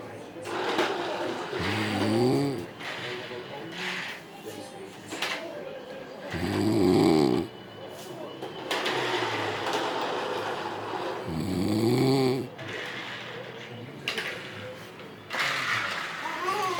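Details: Sleeping adult man passed out after heavy alcohol drinking; partner suspects sleep apnea with brief breathing pauses. Loud, rough, rattling snores, about 12 breaths a minute, alternating with noisy out-breaths; snoring.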